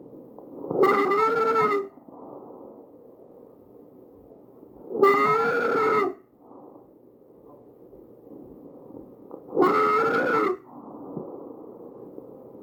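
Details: Tracheal stridor recorded from a real patient with an AccurSound electronic stethoscope and shown as a visualization.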